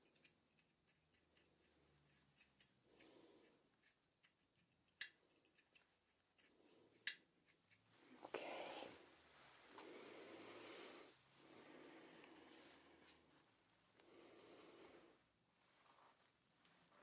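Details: Simulated ASMR dental role-play, deep cleaning for a nervous patient needing scale removal: sharp metallic clicks and picking taps, then longer scraping strokes of hand scaling over an area with heavy buildup.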